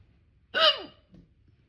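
A single loud, abrupt voiced gulp with a squeaky catch, then quiet: a typical hiccup.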